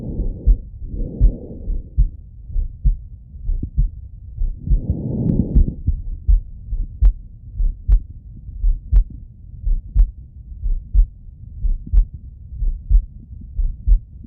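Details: Adult male heartbeat heard by stethoscope auscultation: steady low thumps at about 60 a minute with a few soft breath noises over them; heartbeat.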